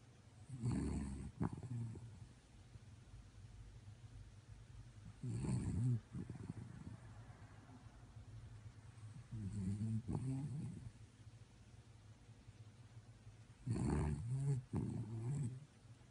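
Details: Sleeping chihuahua snoring: low, rumbling snores recurring every few seconds, some with a double snort.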